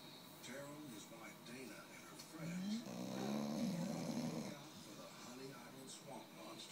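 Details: 8-month-old American Staffordshire Terrier (blue) snoring in sleep: soft rumbling and whistling breaths with a louder snore midway, faint television in background.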